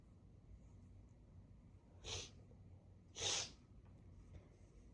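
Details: Congested person with a blocked right nostril, after a little chhinkni nasal sneezing powder there and sniffing the bottle: two hissing sneezes about a second apart, the second louder; sneezing.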